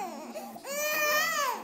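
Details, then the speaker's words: Infant girl crying during tummy time, which she doesn't like; a brief fussy whimper rising into a sustained tonal wail, with faint room noise; infant cry. "uhoh ok we better get ab we better get her yeah she doesn't like tummy going to give her love davis"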